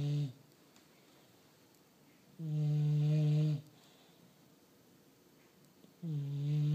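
Loud, regular, low droning snores, each lasting about a second, separated by quiet pauses; snoring in a sleeping dog.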